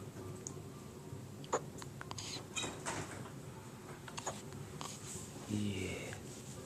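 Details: An infant gives a few brief, sharp catching sounds in a quiet room with a faint adult voice nearby: ordinary baby hiccups.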